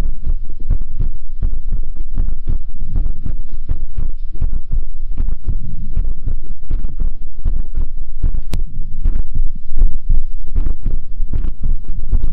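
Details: Steady, deep, regular heartbeat thumping with a low hum behind it, counted at 81 beats in one minute; ASMR heartbeat recording from a livestream.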